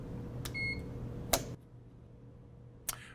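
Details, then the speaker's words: Puritan Bennett 560 ventilator being switched on at the back while the alarm control button is held to enter setup mode: a short electronic power-on beep over low machine hum, then clicks. "so let's turn the unit on so to get up in the setup mode I'm gonna first press the alarm control button while I turn on the unit in the back and I'm gonna hold that button in"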